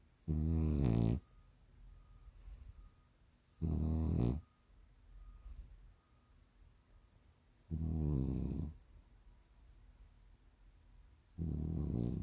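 Loud, rattling, low snores repeat about every 3.5 seconds, roughly 17 a minute, with quiet breathing between them. Snoring.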